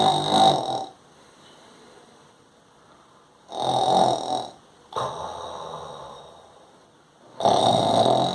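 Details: Loud rattling nasal snores in four bursts with quiet gaps, from an adult imitating snoring.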